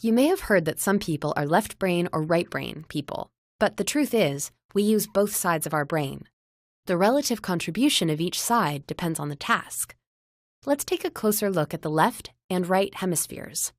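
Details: Adult narrator, possibly a synthesized voice; ordinary fluent speech.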